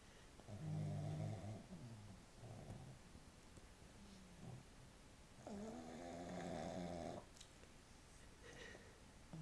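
Low, rattling snores, a short one and a longer one, with softer breathing between; a sleeping pug snoring.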